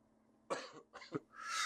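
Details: Two short, dry coughs in quick succession, followed by a breathy exhale, from an adult narrating a solo tabletop game playthrough; cough.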